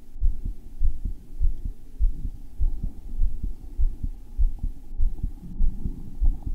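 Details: Self-recorded male heart that felt thumpy: deep, regular thumping beats at about 100 a minute over a steady low hum, with an Apple Watch ECG app used midway; a forceful, pounding heartbeat.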